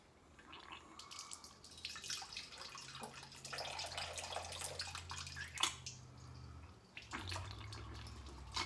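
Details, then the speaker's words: Splashing, dripping water and gurgling as saline is rinsed through the nose while leaning over and mouth-breathing, after endoscopic sinus surgery with turbinate reduction and septoplasty, with breathing noise in a small room. "so we're just going to lean over and breathe through your mouth so you don't end up having water coming coming out of the wall right here we go"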